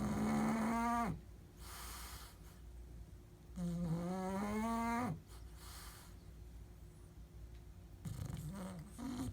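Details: Drawn-out groaning, buzzy snores, each followed by a quieter breathy exhale, about 15 breaths a minute; prolonged snoring.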